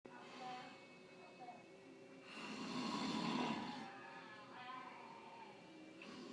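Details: A person who claims not to snore is recorded asleep: a single long, rough snore over soft background music or television sound.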